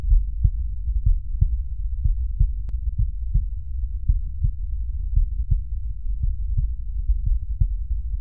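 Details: Regular, crisp lub-dub pairs at about 60 a minute, heard with a stethoscope at the mitral focus (apex, left midclavicular line, fifth intercostal space) in a teaching demonstration, with no extra sounds: normal first and second heart sounds.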